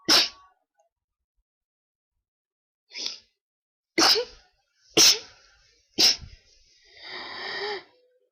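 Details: Requested sneezes with a very tickly nose, described as unable to stop sneezing: five sharp sneezes, about one a second toward the end, then a breathy exhale; repeated sneezing.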